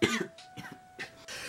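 A few short, dry coughs, acted out as a demonstration of coughing without covering the mouth.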